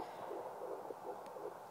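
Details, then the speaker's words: Fetal heartbeat at 10 weeks 6 days, self-recorded at home with a handheld fetal Doppler and gel, probe pressed firmly; signal easily lost, sometimes distorted by the mother's own heartbeat. "that's how I find my baby's heartbe and as you can see it's easily I can easily lose it and there's sometimes Distortion with my own heart heart rate I love that sound"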